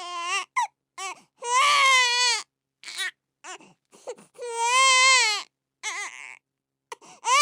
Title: Sound of Crying Baby